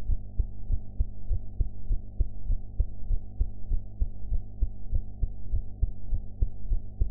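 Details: Heart sounds recorded after eating, sound quality enhanced; regular low thumping heartbeat at about 100 beats a minute over a steady hum, ordinary heart sounds.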